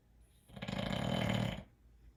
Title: Man Snoring 💤 with a cold..